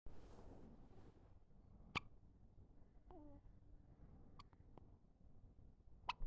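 Faint, sharp little hiccup catches come every couple of seconds over a rumbling, noisy background. These are newborn hiccups.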